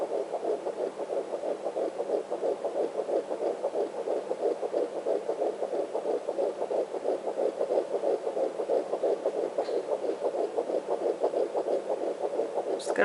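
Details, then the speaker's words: Fetal heartbeat on Doppler, probe moved to the right on the lower abdomen: rapid, steady whooshing thumps about 180 per minute, usually in the 170s, fast and distinct; normal. "there we go say he's usually in the 170s so you can hear it's fast very distinct sound"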